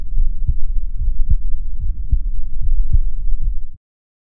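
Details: Adult's own heart recorded with a DIY electronic stethoscope (stethoscope head connected to a microphone); steady low heartbeat thumps, about 70–75 a minute, two sounds per beat; normal rhythm.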